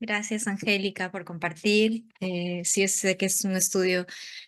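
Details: Adult woman speaking Spanish; Normal speech.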